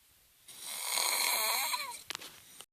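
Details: A mother snoring in her sleep gives one long, harsh, rasping snore lasting over a second, ending with a brief snort.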